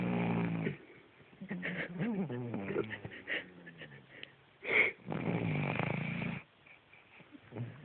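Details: Sleeping Cavalier King Charles Spaniel snoring: loud, rough, voiced snores in bursts with quieter gaps between them.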